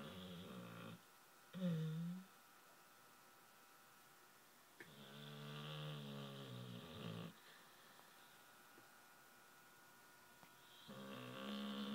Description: American Staffy Pumpkin snoring after a good romp at the beach with her mate Zulu!